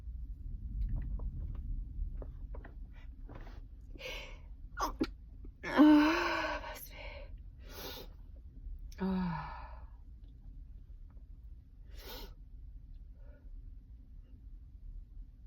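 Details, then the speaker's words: Adult who says they are sick and sneezing uncontrollably: sharp inward breaths building to a sneeze with a short voiced cry, then a second sneeze-like burst over background hum. "I'm so sick and tired. I'm sneezing, which is a first for me."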